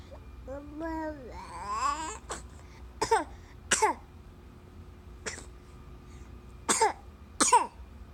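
A child's sliding, yodel-like voiced sound is followed by about six sharp, separate coughs over several seconds; a repeated dry cough.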